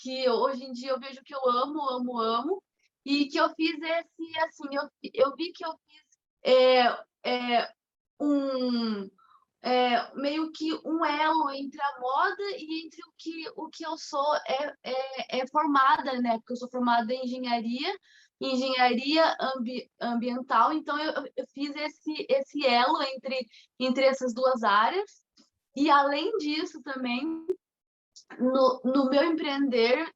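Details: Mild stuttering in a 25-year-old woman, with onset around age two and a half to three.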